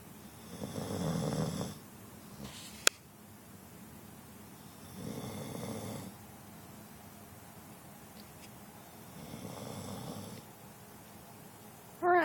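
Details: Soft rhythmic snores on each breath, about 15 breaths a minute, from a sleeping female pet in a quiet room; snoring.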